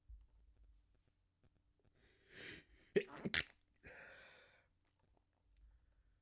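Several stifled, muffled sneezes with sharp bursts of air in a quiet room: suppressed sneezing.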